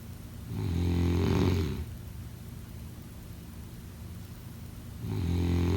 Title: Snoring sounds